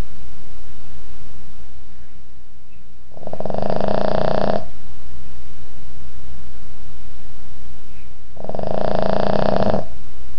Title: bailey snoring